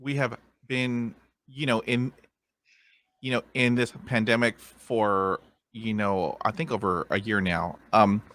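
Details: Adult man who stutters, a podcast host; word repetitions heard; stuttering.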